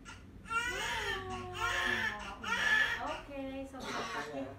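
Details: Strong, repeated wailing cries of a newborn boy in the minutes after a normal vaginal delivery; a normal vigorous cry.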